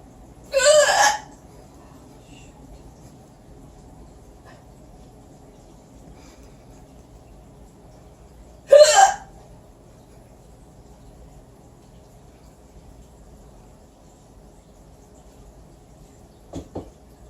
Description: My mom with loud/weird hiccups